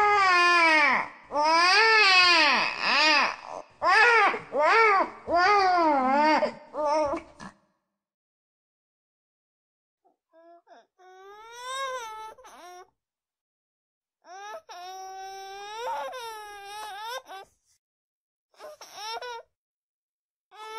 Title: NEW BORN BABY CRYING SOUND